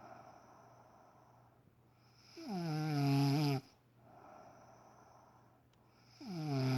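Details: Adult woman snoring heavily during sleep at 6am, waking her partner: loud, low rumbling snore on a long inhalation, quiet breath out, then the next snore, over steady background hum.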